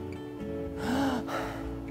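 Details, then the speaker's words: Otolaryngology sleep-clinic professor imitates the sharp gasping breath that follows an apnea, when breathing stops then restarts, in obstructive sleep apnea with snoring; heard over background music. "무호흡은 아예 호흡이 멈추다가 한 2번에서 3번 정도"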